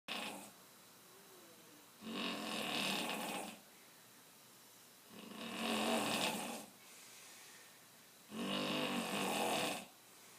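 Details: Three loud, rough snores from a man about 3 seconds apart, separated by quiet exhalations, around 19 breaths a minute; ordinary snoring.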